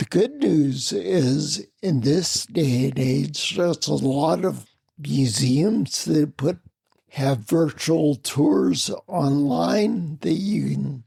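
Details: Adult man with spinocerebellar ataxia of unknown cause, slurred speech since around 1999, difficulty being understood on the phone; ataxic dysarthria.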